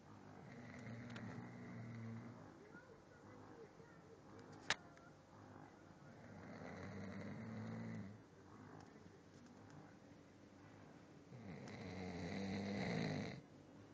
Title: Papa Chow snoring during morning nap